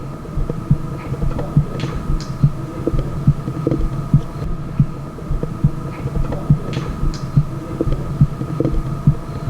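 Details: Normal heart sounds, a regular beat at about 70 a minute with normal first and second sounds, heard through a stethoscope diaphragm while comparing an MDF MD One with a Littmann Classic III.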